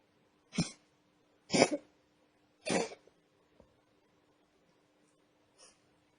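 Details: Cat with three short, harsh expiratory bursts about a second apart, then a faint fourth; the owner is unsure whether this is coughing or reverse sneezing.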